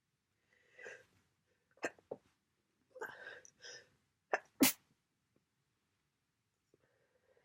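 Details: Several sharp, wet sneezes and snuffly nasal breaths in a quiet room from a person with an ongoing cold and heavy nasal congestion; congested cold sneezing.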